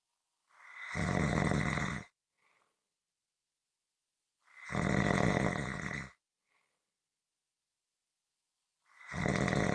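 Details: Regular rumbling snores on each in-breath, about every four seconds (roughly 14 a minute): ordinary snoring.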